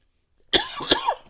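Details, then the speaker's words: Two short, harsh cough bursts from an adult after 27 years of smoking cannabis, formerly also cigarettes: smoker's cough. "it's because after 27 years of smoking weed I finally got that smoker's cough going woo it's a good thing I don't smoke the cigarettes anymore"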